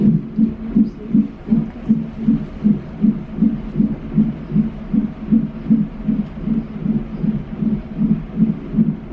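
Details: Rapid, regular whooshing fetal heartbeat on a fetal monitor at about 158 per minute, in the usual range; high-risk pregnancy at 26 weeks in labor and delivery with a shortened cervix and mild contractions (cramping about 2/10).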